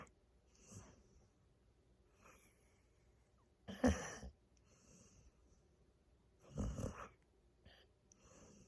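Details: Pit bull napping on the sofa, snoring: soft, irregular snoring breaths, about 22 a minute, with a few louder snorts.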